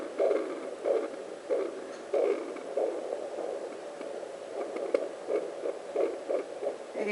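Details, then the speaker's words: Rhythmic whooshing pulses at about 92 a minute over a steady hum: home Doppler over the pregnant mother's lower abdomen picking up her own arterial blood flow off the placenta, distinct from the baby's heartbeat. "going back to where my artery is again you can hear that's completely different than babies that's the artery that's my heartbeat off the placenta"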